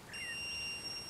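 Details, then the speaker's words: A single steady high-pitched electronic tone, an AED beep during CPR guidance after a shock was delivered, in an outdoor wilderness training demonstration; some defibrillators use a metronome to pace compressions. "some defibrillators have a metronome to help you keep in time with the beat and you would continue that CPR for 2 minutes"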